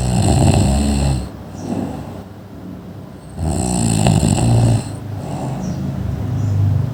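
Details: Sleeping adult: loud, harsh, rattling snoring alternating breath in and out; snoring.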